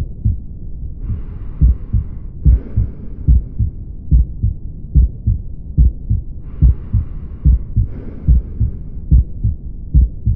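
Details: Aortic stenosis heart sound: regular heartbeat near 72 a minute with a harsh swooshing murmur between beats from a stenotic aortic valve.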